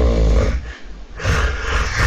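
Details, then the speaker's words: Loud, rough snorting gasp as breathing restarts after a pause of about a minute and fifteen seconds in obstructive sleep apnea, with oxygen saturation down to 49, the cycle repeating 500–600 times a night. "но слава богу он через минуту 15 начнёт дышать потому что мозг проснётся и подумать что я уже умираю"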